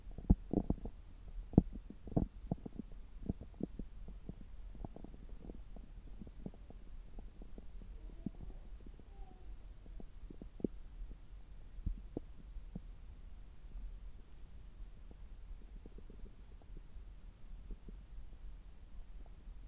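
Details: Stethoscope on an adult's abdomen about three hours after a meal, when the gut is active, picks up irregular low gurgles and clicks: normal bowel sounds.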